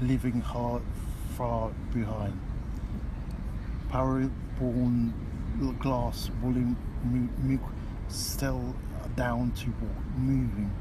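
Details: Post-stroke aphasia in a patient reading a short children's story aloud, recorded before a three-week intensive comprehensive aphasia program; the recording quality is poor.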